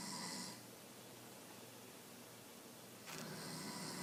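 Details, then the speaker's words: Two loud, rasping snoring breaths at night with a quiet pause of about two and a half seconds between them. "snores really loud. That's what I gotta deal with tonight."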